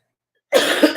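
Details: Brief, rough throat-clearing burst from an adult with a raspy voice, during a livestream.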